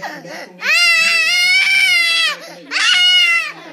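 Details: Infant crying: two long, loud, tuneful wails separated by a short catch of breath.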